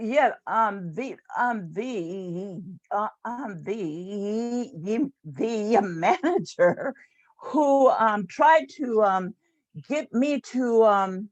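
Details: Adult woman, a retired employee and stuttering support group leader, who has stuttered since about age seven; stuttering.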